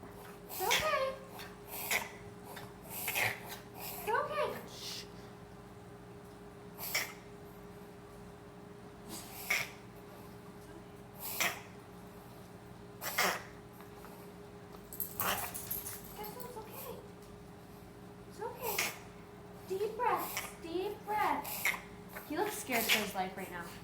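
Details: A Bichon Frise dog has a fit of sharp, snorting sneeze-like and coughing bursts, some with a honking quality; owner wonders if it is kennel cough.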